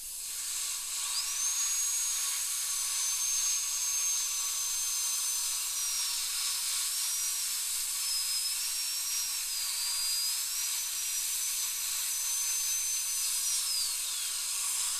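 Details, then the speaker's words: Steady high-pitched dental drill whine with air hiss, pitch dipping under load, cutting through an old amalgam filling with decay and a crack in upper molar tooth #2 under rubber dam for crown preparation; high-speed drill. "and there's the depth of the alloy now so you can see that you also see the Decay underneath we went through the contact area without touching the adjacent tooth"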